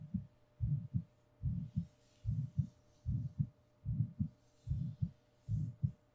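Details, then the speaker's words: Binaural ASMR recording of the speaker's own heartbeat under soft-spoken rambling: a steady, regular lub-dub at about 74 beats per minute, soft and deep with a faint hum; normal heartbeat. "whether I'm nearby far away you will always always be able to hear and feel my heartbeat"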